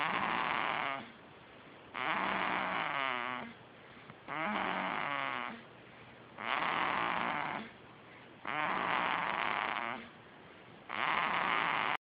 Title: Snore Machine